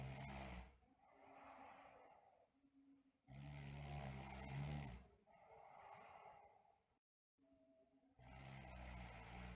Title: Sleeping Girl Snoring & Bruxism